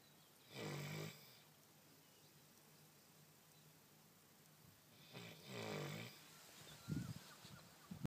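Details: Dog asleep in the sunshine, snoring loudly: two long, rumbling snores separated by a quiet pause, then a short snort.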